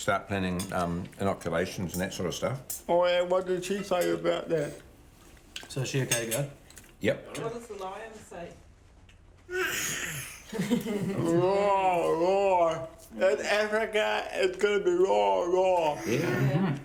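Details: 32-year-old man born with cerebral palsy, dependent on 24-hour care; slurred speech, reportedly worse when he is tired: dysarthria (cerebral palsy).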